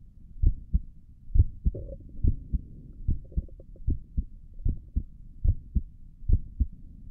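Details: Own heartbeat recorded through a stethoscope on the chest for relaxing ASMR: steady paired thumps at about 70 beats a minute, no extra sounds between; stomach gurgles occur in the recording; normal heart sounds.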